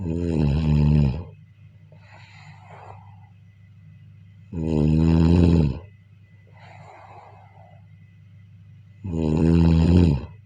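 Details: Regular heavy snoring during sleep: loud, buzzing snores on each breath in, about 13 a minute, with softer airy breaths out between.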